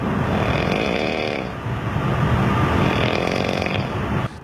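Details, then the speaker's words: Male train passenger's loud, coarse, rhythmic snoring on a Yilan-to-Taipei express train, sounding like a motorcycle engine or chainsaw, over train noise. "火车上传来阵阵声响，非常有节奏。其实这是车上乘客的打鼾"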